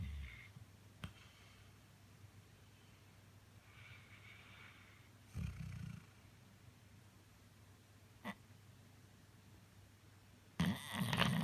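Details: Snoring from a sleeping dog that is also kicking, sounding human: loud, rumbling snores every few seconds with soft breathy hisses between them, in a quiet room.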